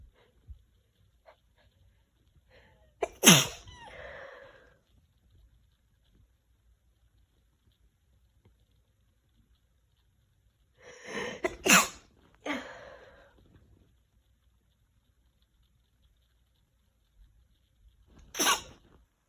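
Three sneezes, each with a brief inhaled build-up and a sharp wet burst, sneezing with a cold.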